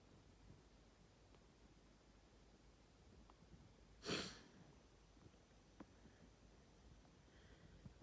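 One brief, sharp nasal burst, a single sneeze, against faint room noise.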